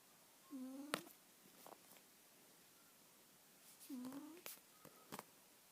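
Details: Persian cat snoring: faint, squeaky, whistling breaths with soft snuffles, about two breaths in five seconds; light snoring in a flat-faced cat.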